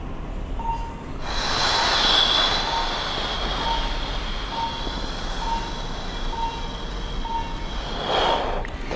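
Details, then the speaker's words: Monitor pulse beeps during a doctor's live self-demo of anxiety-reducing breathing with EKG leads on: heart rate speeds up on the inhale, then slows during a slow 10-second mouth exhale, showing respiratory heart rate variation. "Listen closely to how the heart rate increases, then slows down with that inhale and that 10-second exhale."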